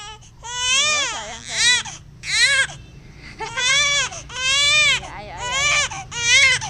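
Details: A baby cries in repeated high-pitched wails, about one cry every second, with short catch breaths between.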